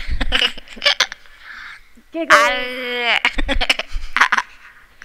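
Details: Young girl, about nine years old, with a severe motor speech disorder who cannot control her articulators, trying to get the air out to make sound: vocalization in severe motor speech disorder.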